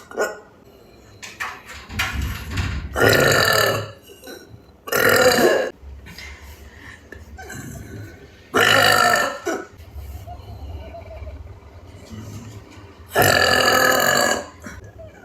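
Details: Burp compilation: four loud, long, rumbling voiced belches, separated by quieter breathing and room noise; repeated burping.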